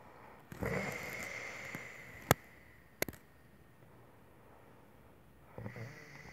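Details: A sleeping woman gives a long, rough, fluttering snore on a breath, then a couple of sharp clicks, and the next snoring breath begins: snoring.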